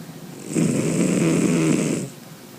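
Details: White cat sleeping, audio recorded from a distance to avoid waking him; a single loud, rumbling, human-like snore on an inward breath lasting about 1.5 seconds: snoring.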